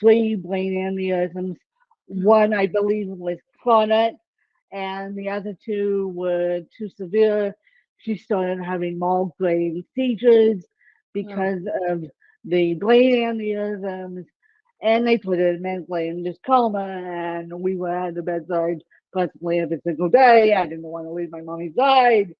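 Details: Adult woman with self-reported ataxic cerebral palsy; the speech impairment type is not named; dysarthria (ataxic cerebral palsy).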